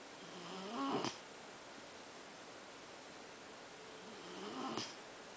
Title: GRACEFULLY SNORING